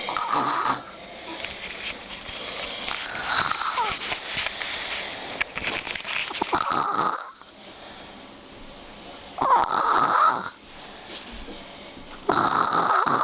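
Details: Male sleeper snoring at 8 AM, early in sleep and said to be quieter than his later deep-sleep snoring: loud, rough, rattling breaths in repeated long bursts with quieter pauses.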